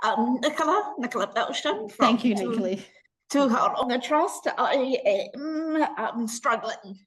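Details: Adult woman speaking, possibly with a second speaker; normal voice.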